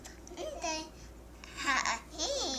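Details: Girl answering in a clinical conversation, played as an example of what a speech sound disorder such as apraxia of speech might sound like; childhood apraxia of speech.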